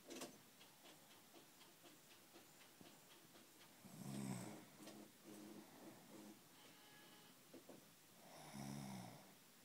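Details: Snoring recorded by the sleeper's husband: loud, rattling snores every four to five seconds, with quieter breathing and faint ticking between them.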